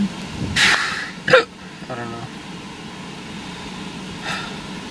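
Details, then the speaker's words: Two abrupt, sharp hiccups about a second apart, outdoors during a lightning show, with brief talk; the person is told to hold their breath; hiccups. "I like it when you have hiccups, you can't talk. Oh, that was a big one. Did you see that one? I think you still have them. Hold your breath again."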